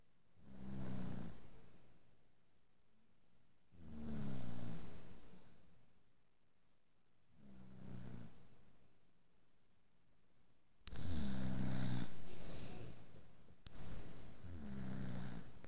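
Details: Snoring after a long day: low, rumbling snores repeating about every three to four seconds, steady and unhurried, typical of ordinary sleep snoring.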